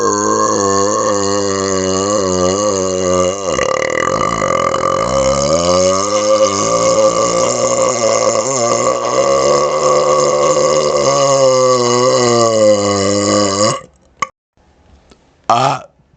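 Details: Adult burping right up close to a laptop microphone: one very long, loud, voiced belch that rolls and wavers in pitch for about thirteen seconds, then stops abruptly.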